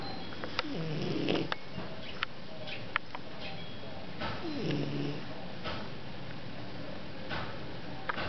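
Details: Snoring in a Chinese Shar Pei dog: soft, low snorting snores on breathing in, two clear breaths over steady room noise with small clicks.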